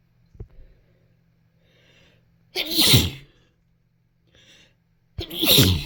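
Two forceful sneezes, each preceded by a faint quick intake of breath; ordinary sneezes.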